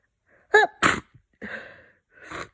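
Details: Run of forceful, wet, stuffy congested sneezes during a cold, recorded as the cold progressed; sneezing.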